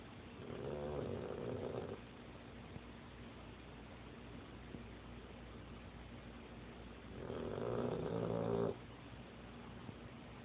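Two long, rough, rattling snores about six seconds apart, with quiet room noise between them. Ordinary snoring in a sleeping dog.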